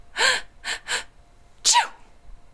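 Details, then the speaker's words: Adult woman acting out sneezes on request: quick gasping breaths, then a sharp, forceful sneeze. "again couple more times okay do it do it again try and uh do a do a different sneeze sound if you can"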